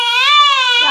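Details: Loud, sustained high-pitched wail lasting about a second from a 2-month-old baby during a night-time routine, crying at around 2 o'clock at night; infant cry.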